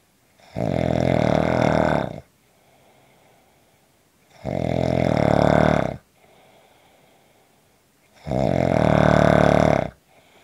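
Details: Three loud, rattling, low-pitched snores on inspiration, about 15 breaths a minute, with quiet exhalations between: regular snoring.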